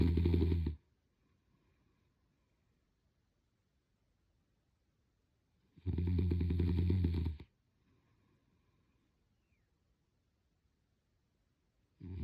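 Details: Sleeping person snoring: loud, deep, rattling snores on each breath, about 11 a minute, with quiet gaps between; ordinary snoring.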